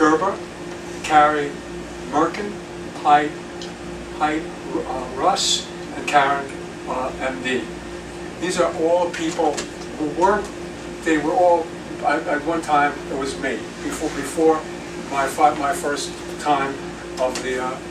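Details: Aphasia in a retired male pediatrician, acquired after a 2014 left-hemisphere stroke caused by a torn carotid artery; right-side paralysis has since resolved; words slowly returning with ongoing speech therapy.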